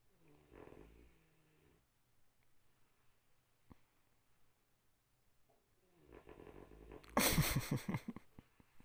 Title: good nap #fyp #funny #snoring